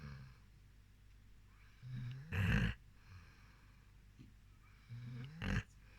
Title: Rescue dog Nala snoring.